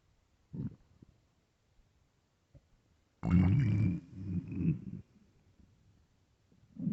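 A long, low, drawn-out growl with a whining edge and a few small gurgles: hunger stomach growling.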